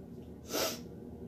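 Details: A single short, sharp sneeze through the nose and mouth, occurring while recording a speech.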